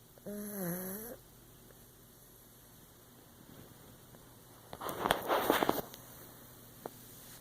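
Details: Snoring: a short, whistling, tonal breath, then several seconds later a raspy, fluttering snore, with quiet in between.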